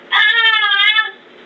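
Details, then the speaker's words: One high-pitched, drawn-out infant wail lasting about a second, heard through a Nooie 360 HD baby camera's listen-in audio, slightly tinny; infant crying. "See? You can hear the baby crying. There's a baby crying."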